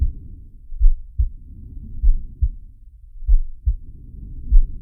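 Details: Animated cartoon shark character's heartbeat and breathing sound effect, not a real recording: low muffled heartbeat thumps at roughly 50 a minute, soft breathing noise underneath.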